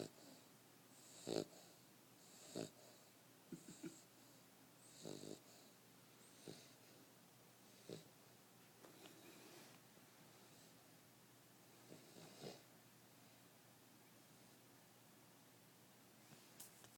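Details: 9-week-old puppy snoring while asleep, louder in real life than recorded: soft, irregular snorting breaths about 45 a minute with faint snuffly whistles.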